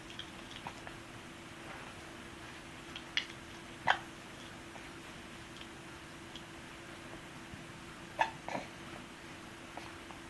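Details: Baby with hiccups having trouble keeping his pacifier in: a few short, sharp catches at irregular intervals in a quiet room with a steady hum.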